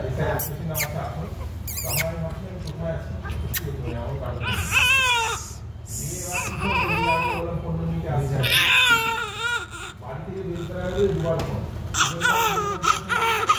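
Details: Healthy newborn weighing 3.2 kg crying strongly in rhythmic, full-voiced bursts with muffled adult voices in the room; normal newborn cry.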